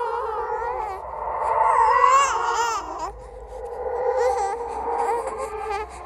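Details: Processed horror "ghost baby" sound effect, not a real recording: wavering, eerie high-pitched infant wails with echo, simulating infant crying.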